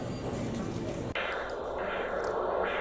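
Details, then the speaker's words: Handheld Doppler over a free-flap perforator artery, marked by a suture, in surgery: rhythmic pulsatile whooshing arterial signal over a steady hiss, with constant nearby venous flow possibly audible between beats. "In this video, you can hear the pulsatile sound of the flap perforator artery through the Doppler."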